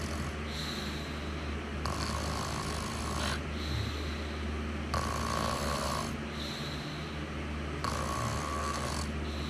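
Rhythmic rattling snores roughly every three seconds, about four in ten seconds, with a steady low hum in the background.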